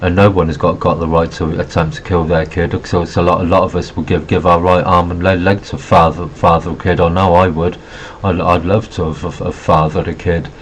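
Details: Adult male with Asperger syndrome who reports having a stutter; stuttering.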